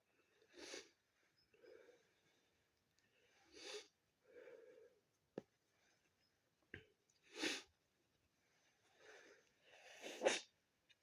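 Several sneezes with sniffs and a nose blow in a quiet room, from a head cold.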